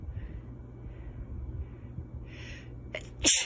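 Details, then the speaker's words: Woman sneezing hard, makeup running: quiet breathing builds to a sharp inhaled catch, then one abrupt forceful hissing sneeze. "Oh boy. Oh. Makeup is running. I'm sneezing so hard."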